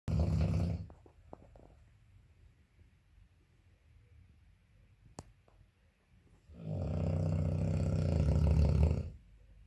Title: 9 months old puppy snoring loudly xx